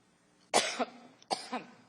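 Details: A woman coughing: two harsh, forceful coughs about a second apart, each with a short trailing second push.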